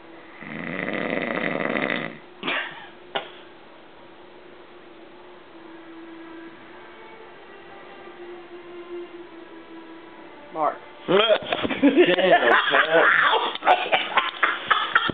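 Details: Sleeping man, who denies snoring, snoring heavily: loud, rough, rattling snores in bursts with quieter breathing between; ordinary heavy snoring.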